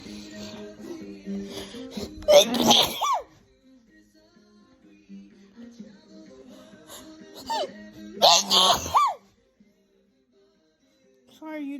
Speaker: Sorry, YouTubers, I'm sneezing. Sorry. I don't know what's causing it.